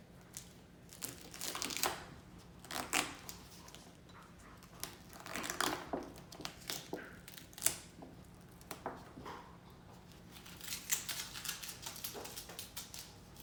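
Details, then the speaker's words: Intermittent crinkling and peeling as old tape is removed from a central venous access device dressing during a dressing change, after palpating the insertion site for tenderness. "We're going to palpate for tenderness, remove the old piece of tape,"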